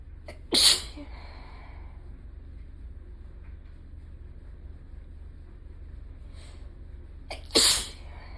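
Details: Series of sneezes from one person that gradually intensify, with the sneezes changing from beginning to end.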